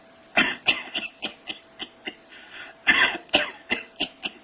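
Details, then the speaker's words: Repeated short, separate dry coughs with brief pauses, a staccato cough from an infant with Chlamydia trachomatis pneumonia: no fever, diffuse wheezing, increased AP diameter and bilateral conjunctivitis; described in a lecture. "know what they call that staccato caught so when you see that term on the boards staccato call that's that's chlamydia trachomatis pneumonia"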